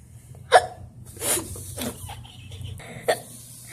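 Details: Two sharp, brief hiccup sounds about two and a half seconds apart, with quiet room noise between; hiccups.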